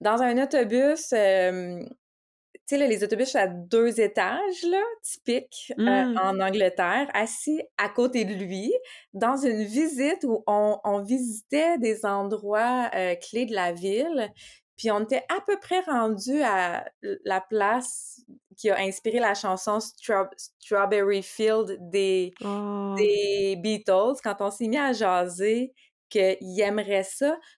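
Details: Adult woman, a speech-language pathologist who stutters, speaking French in conversation; stuttering.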